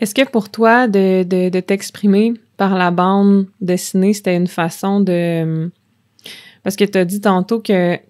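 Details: Stuttering in an adult woman who stutters.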